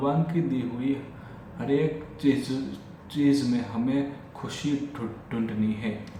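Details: Adult male with stammering since childhood, speaking spontaneously in Hindi during a daily stammering-practice session (day 45); repetitions of words and phrases; stuttering.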